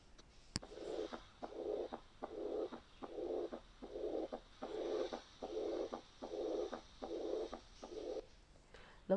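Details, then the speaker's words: Early diastolic murmur of mild aortic regurgitation: very faint blowing murmur starting immediately after S2, regular heart sounds about 75 beats per minute. "تلاحظوا ان صوت الميرمر ضعيف جدا، صوته بعد الاس 2 على طول."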